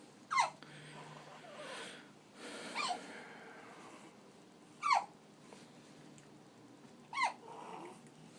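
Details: A puppy of uncertain age in weeks gives three short, sharp hiccup chirps at irregular intervals between soft breaths; ordinary puppy hiccups.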